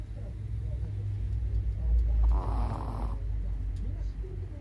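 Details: 16-year-old Chihuahua in deep daytime nap, with cataracts and poor hearing: low, rumbling snore with a snorting breath in the middle; ordinary snoring.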